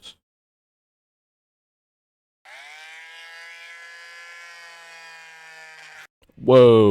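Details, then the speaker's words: Cast saw, used to remove a cast after bone healing, running: a steady electric buzzing whine for about four seconds, then a voice. "whoa this is a cast saw it's used to extract you from a cast after your bones healed"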